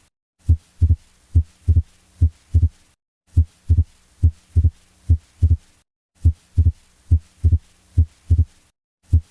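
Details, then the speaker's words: Fixed wide splitting of S2 heard with a stethoscope: a regular heartbeat near 70 a minute with a widely split second heart sound. "This sound is produced when there is Fixed Wide Splitting of S2 Heart Sounds"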